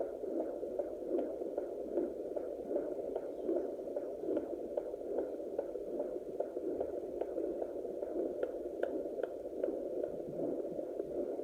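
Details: Rapid, steady whooshing fetal heartbeat, roughly 150 a minute, of a baby boy at 24 weeks 3 days (25th week) of pregnancy, recorded with a pocket fetal Doppler.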